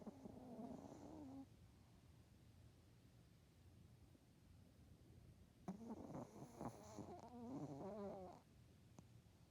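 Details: Sleeping dog snoring: soft, fluttering, grunting breath sounds in two bursts over steady room noise.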